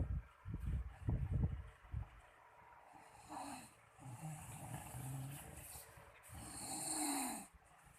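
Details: Man caught by his wife snoring really loud in sleep: low rumbling snorts and drawn-out rough breaths in a quiet room; loud snoring.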